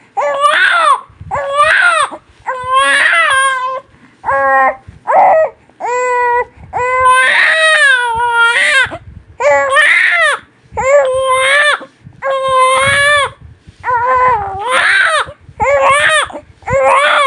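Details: A newborn baby cries hard in loud, rhythmic, high-pitched wails separated by brief breaths; ordinary infant crying.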